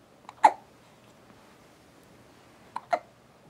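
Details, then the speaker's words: Five-week-and-four-day-old baby girl awake and moving her arms: two sharp infant hiccups about two and a half seconds apart, each with a small catch just before; hiccups. "you going to talk to us huh hiccup hiccup there we go"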